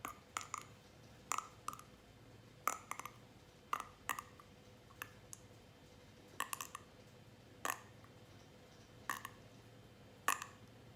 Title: Cracking my neck 50 times consecutively